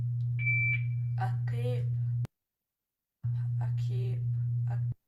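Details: A child with cleft lip and/or palate says 'tape' and 'cape' alike, backing alveolar t to velar k so t- and k-initial words all start with k; treated with phonological therapy.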